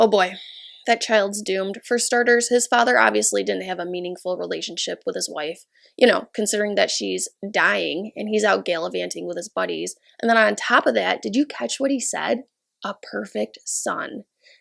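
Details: Adult speaker; normal speech.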